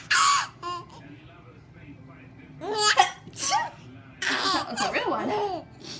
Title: 5 months or so. Babies laugh at sneezes